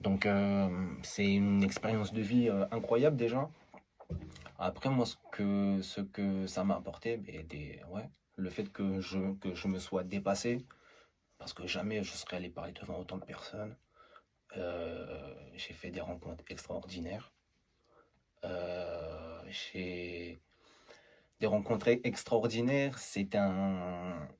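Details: Adult male stuttering since age 14 (July 2012) after an emotional shock, also stuttered as a younger child and saw a speech therapist; self-described rather mild, masked stutter with blocks notably on S and C syllables, phrase repeated; stuttering (mild).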